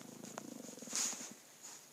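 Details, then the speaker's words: Dogs snoring in the background behind a spoken lesson; snoring. "my dogs are snoring and i'm sure you can hear them in the background so hopefully they're not too loud that it's distracting"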